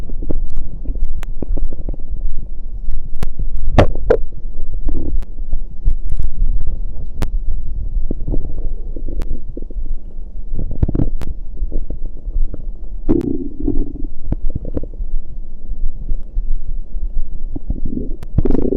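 Loud, constant low rumbling with scattered gurgles and pops from the abdomen: active stomach growling (borborygmi) during digestion.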